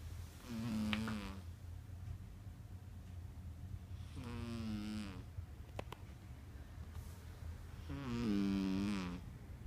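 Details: Three soft, buzzing snores roughly every 3.5 seconds, about 17 a minute, from a sleeping female cat; ordinary snoring.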